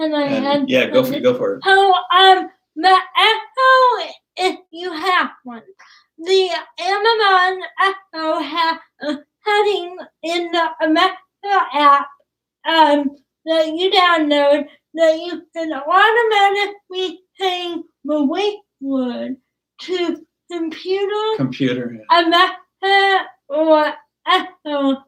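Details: Dysarthria in a young woman with cerebral palsy; she started talking late, is sometimes hard to understand per her parents, and worked with a speech pathologist on sounds such as plosives.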